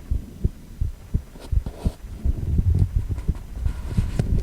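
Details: Rapid rhythmic low whooshing thumps, roughly 80 to 90 a minute, with a steady hum, heartbeat sound with a 4-chamber cardiac ultrasound view of a male heart; heartbeat on cardiac ultrasound.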